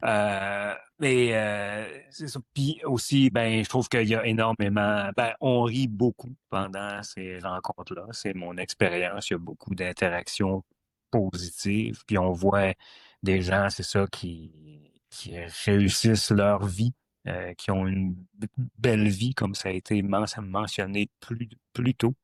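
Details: Adult who stutters; stuttering.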